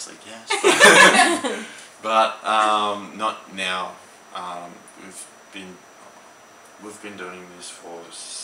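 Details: Young man with aphasia after an ischemic stroke at age 15 in 2008; aphasia.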